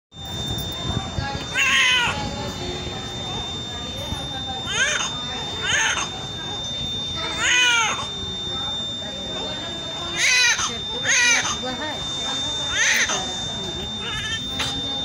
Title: Vigorous Cry Of Newborn ||Newborn First Vigorous Cry||Crying Newborn Baby||First Cry Of Baby😭😭😭